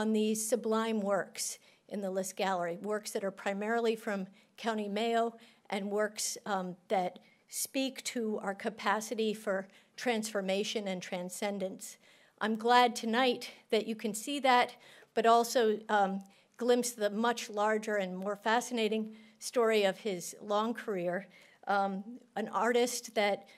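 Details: Adult woman speaking; Normal voice.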